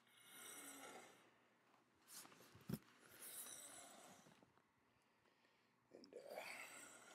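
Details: Sleeping woman snoring: rough, rattling snores recurring about every three seconds with each breath, in a quiet room.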